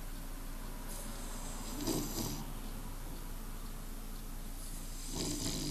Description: Bulldog sleeping in the sun snoring away, a happy sound to any bulldog lover.